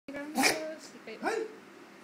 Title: Pug sneeze